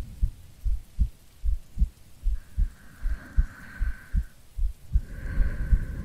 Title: [ASMR] Girlfriend Sleep Aid 10 hours - Breathing & Heartbeats to help you sleep | RAIN [No talking]